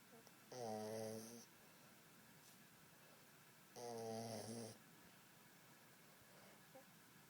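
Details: Resting dog: two loud, buzzing snores about three seconds apart in a quiet room, each a fluttering rattle on the in-breath; snoring.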